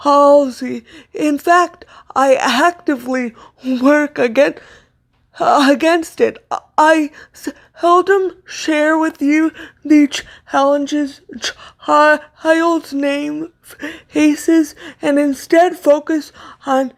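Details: Stuttering in an adult woman with cerebral palsy, a neuromuscular disorder she says affects motor control including speech; her stutter worsens when reading aloud; here spontaneous speech.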